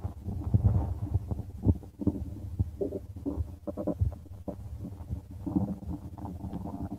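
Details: Low, irregular gurgling and rumbling from the belly over several seconds as gas and fluid move: ordinary stomach growling, bowel sounds (borborygmi).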